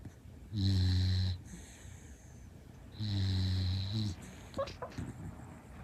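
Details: Female rescue Shiba Inu dog, born September 2016, snoring and sleep-talking: two long, low rumbling snores on slow breaths, then brief soft whimpering sleep noises.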